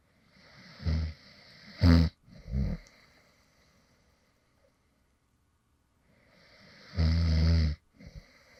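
Soft, low snorting snores in short bursts between quiet pauses; light snoring during sleep.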